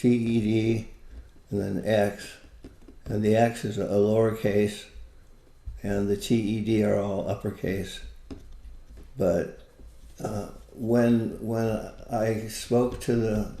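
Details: Adult with Parkinson's disease, a neurodegenerative disease, for more than 20 years, with visible shakes; hypokinetic speech in Parkinson's disease.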